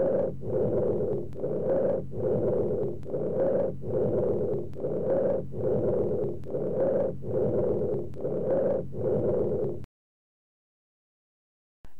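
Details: Teaching-cassette recording of breath sounds, normal over the trachea: loud, harsh, blowing breath sounds in rapid repeating bursts with brief gaps: bronchial breath sounds.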